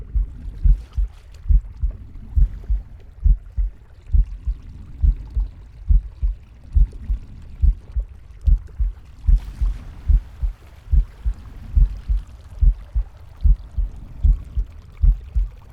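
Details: Pig's heartbeat: steady low thumps at about 70 a minute with soft gurgling and rushing stomach and breath sounds behind them; normal heart sounds with bowel sounds.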